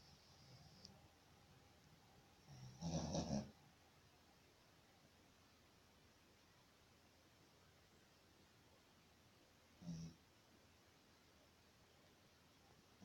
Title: Snoring shih tzu